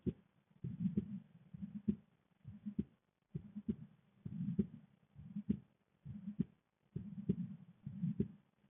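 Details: Heartbeat heard through a stethoscope from a female with a visible neck pulse: steady beats at about 67 per minute with low rumbling noise between beats.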